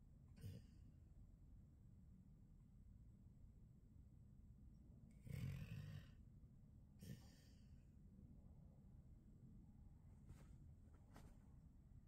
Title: snoring